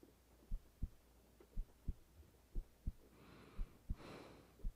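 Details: Woman lying in bed at night, her resting heartbeat recorded for ASMR: soft, steady, low thumps in pairs at about 57 beats a minute, with faint rain and breathing behind; normal heartbeat.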